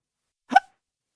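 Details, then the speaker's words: Hiccup: a single short, sharp voiced hiccup in near silence, an abrupt inward catch of breath cut off, from diaphragm spasm and throat closure. "Then your chest jerks. A few seconds later, it happens again."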